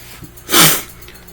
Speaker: I got sneeze. Sorry, you had to hear that.